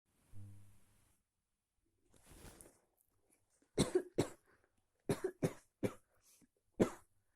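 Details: Sneezing after a stay in the pool: a brief whine, then a run of about six short, explosive sneezes in a quiet room.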